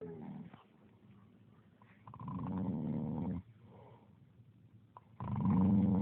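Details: Person snoring: low, rumbling snores on the in-breath with quieter pauses between, about 20 breaths a minute.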